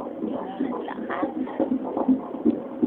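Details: Fetal heartbeat on a Doppler during a prenatal ultrasound of a first baby, a girl, in April 2008: rapid whooshing pulses, rate read as 162 a minute, with a little room noise.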